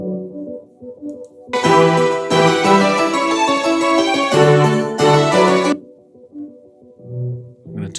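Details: Hearing loss simulation of bilateral, fairly symmetrical profound high-frequency ski-slope sensorineural hearing loss: keyboard music switches between full, bright sound and a dull, muffled version keeping mainly the low/bass tones.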